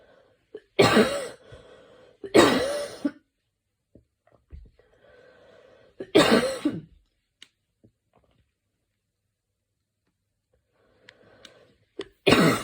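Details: Adult evening coughing fit while lying on the back; a short bout of four harsh coughs with quiet breaths and throat sounds between them.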